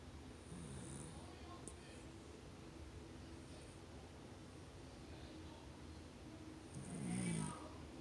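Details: Low, rumbling snoring from a sleeping animal, with a louder snort-like breath near the end over steady room noise; snoring.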